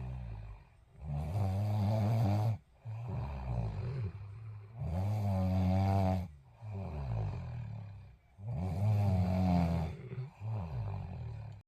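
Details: Person snoring while someone tries to watch TV: loud, low, rattling snores in a steady rhythm, about 16 a minute, with both breath phases vibrating; ordinary heavy snoring.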